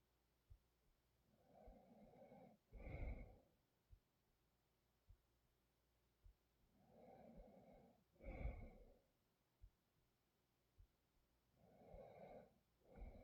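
Slow rhythmic snoring, about 11 breaths a minute, with rumbling in-breaths and snorting; scattered clicks of background noise.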